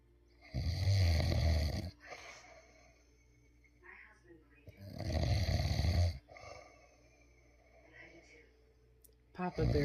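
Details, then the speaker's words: Very loud snoring from a sleeping adult man that grows even louder; he denies snoring, and his partner says it keeps them sleep-deprived. "ah okay folks papa bear so he doesn't slower he snores very loud and actually it gets even louder"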